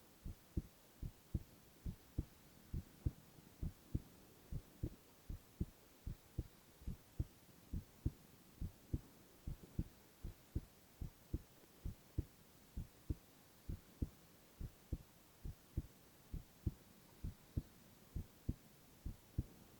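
Steady, regular soft thumps of a heartbeat at about 67 beats a minute, with no other sounds.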